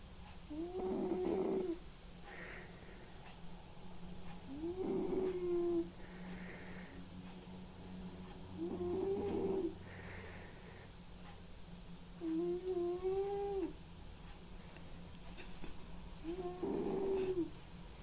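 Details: White and ginger male cat sleeping and snoring: regular whistling, rasping snores about 15 a minute, with softer sounds between them.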